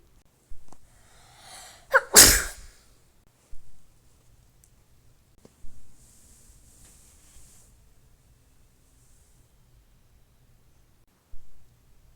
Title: I made godzilla and here he is (sorry I sneeze in the vid)